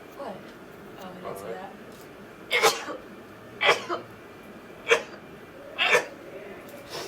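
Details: Girl sneezing rapidly: four sharp, explosive sneezes in quick succession over about four seconds, with some soft breaths before them; repeated sneezing.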